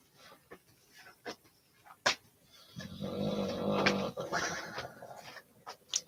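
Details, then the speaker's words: A dog snoring in a quiet room with scattered clicks: one long, low rattling breath, then a softer one. "if you can hear my dog snoring damn he's really snoring"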